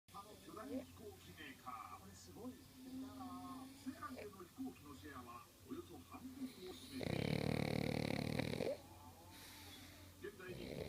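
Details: 6-year-old male pug snoring while asleep: repeated rattling, snorting breaths with a louder snorting burst, faint background sounds; sometimes laughs in his sleep.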